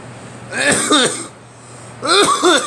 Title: Me coughing